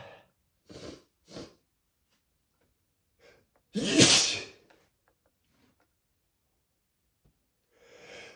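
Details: Male, single loud explosive unstifled sneeze after short build-up in-breaths, followed by quiet breathing; spray sneeze.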